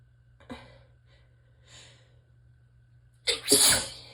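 Soft breathy intakes, then one full sneeze with a sharp hissing burst; ordinary sneezing.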